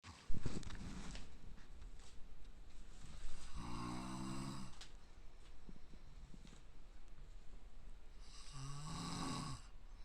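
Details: Self-deprecating clip of a sleeping man (called a "tanuki dad") snoring hugely, pig-like and screaming, not waking even when hit or his eyes are pried open: two loud, rattling inspiratory snores separated by a quiet pause.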